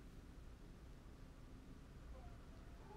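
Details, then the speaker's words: Quiet low rumbling with faint squeaky gurgles late on from a woman's stomach during a livestream, noticed by her; normal stomach growling (borborygmi). "腹鳴っちゃった、聞こえたかな今。あ、まだ鳴ってた。キューって。"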